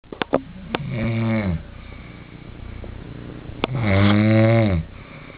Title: I m snoring